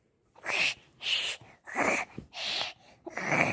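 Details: A child before bedtime imitates how dad and maternal grandfather snore: five loud, harsh, exaggerated snoring noises in a row, about 85 a minute; playful pretend snoring.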